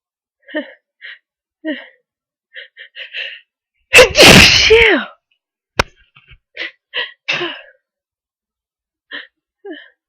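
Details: Person near the end of a cold: repeated short catching breaths build up to one loud sneeze with a voiced trailing cry, then more catching breaths; cold sneezing with prolonged build-up.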